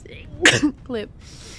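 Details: Female streamer sneezing while gaming: one sharp, explosive sneeze followed by a brief voiced sound, in a quiet room.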